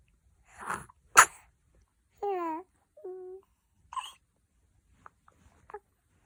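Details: Two-month-old baby, in a good mood in the morning after a milk feed: a short breathy intake, then a tiny sharp sneeze, followed by soft cooing and small mouth noises; an ordinary infant sneeze.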